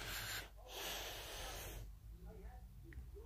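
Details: Loud, harsh rushing breath followed by quieter snorting and soft noisy breathing; snoring.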